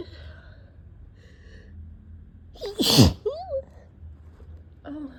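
One sharp, explosive sneeze after a quick in-breath, with a short vocal sound after it: a single sneeze.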